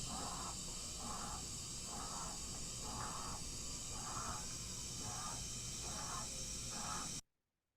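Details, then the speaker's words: Sick child on oxygen with saturation 94%: rapid, noisy breaths at about 60 a minute over a steady hiss, with expiratory wheeze and retractions; tachypnoea with respiratory distress. "this kid's breathing really fast and is retracting everywhere"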